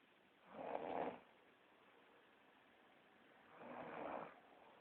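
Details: Adult woman (girlfriend) snoring in sleep: two rough, fluttering snores on the in-breath about three seconds apart over quiet room hiss; ordinary snoring.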